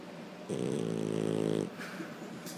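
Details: A dog's snore: a single low, fluttering rumble of just over a second rising out of quiet room noise.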